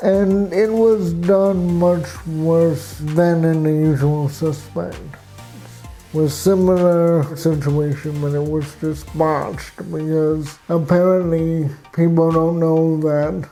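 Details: Adult man with cerebral palsy, with walking difficulty and frequent falls; real patient speech; dysarthric speech in cerebral palsy.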